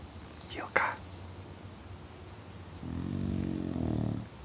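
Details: Sleeping English bulldog snoring: a long, low, rattling snore on one breath after a brief squeak and soft background noise; typical flat-faced dog snoring.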